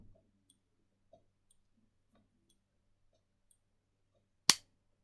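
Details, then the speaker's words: Omnipod wireless insulin patch pump for type 1 diabetes, placed on the stomach: a few faint clicks after pressing start, then a sharp snap as the pod automatically inserts its needle and cannula. "so when you click start and you'll hear a few bits you know you're here I could chug in like a train and then it'll go in oh"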